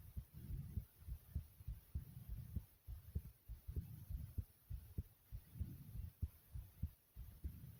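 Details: Person's own heartbeat recorded at normal pace; normal heart sounds.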